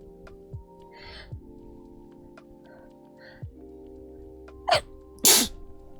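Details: Soft intake sounds, then two sharp, explosive sneezes over background music.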